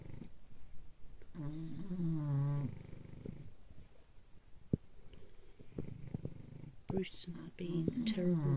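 Low, rumbling snoring with a fluttery, whistling edge and snorting catches, from a sleeping flat-faced dog.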